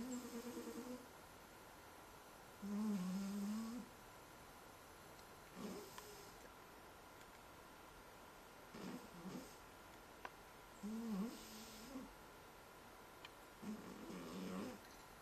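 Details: A fat cat described as a loud sleeper snoring while lying asleep: soft, rattling, whistling breaths at irregular intervals over steady room hum; snoring.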